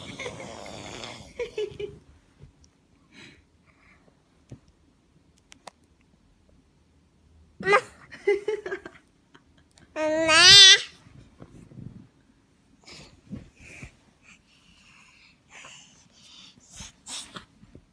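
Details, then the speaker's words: Sneezing: a single short, high-pitched sneeze-like burst ("achoo") from a child just past their first birthday, in a quiet room with faint baby noises while concentrating on something. "여러분은 이 '에츄'를 보러 들어오신 겁니다."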